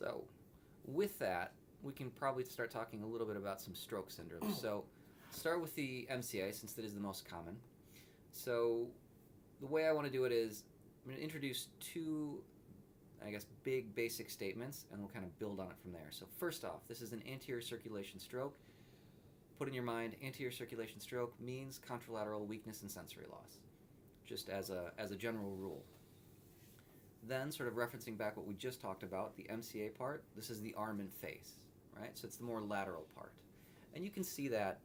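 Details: Adult man lecturing; ordinary speech.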